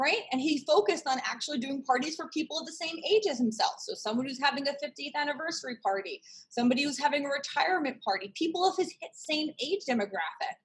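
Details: Adult woman speaking; typical speech.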